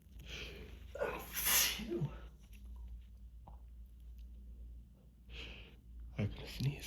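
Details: Several sneezes in quick succession with breathy exhalations between, in a quiet hotel room; repeated sneezing from grass pollen allergy at the end of spring season, without medication for several days, nose pink.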